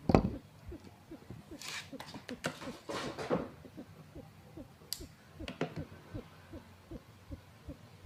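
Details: Rescued cat, recently dewormed after vomiting worms, looking unwell. Rapid breathing with short, squeaky whistling notes on each breath: wheezing from narrowed airways.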